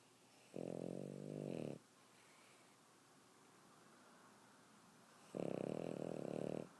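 Two loud, rattling snores about five seconds apart, with quiet breathing between; ordinary snoring in a sleeping dog.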